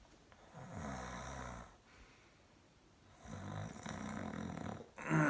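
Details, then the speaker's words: Imitated crescendo snoring that grows louder across breaths to a peak, then breaks off with a position change or subtle movement, marking a respiratory effort-related arousal (awakening) without a loud gasp. "okay so it's not gonna be a big loud gasp but it's snoring that increases in volume it gets up to a peak and then you do a position change or just kind of a subtle movement okay that's an awakening"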